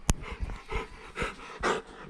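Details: Dog (Apollo) the owner suspects has kennel cough: quick breathy pants with faint whimpers; no cough is heard.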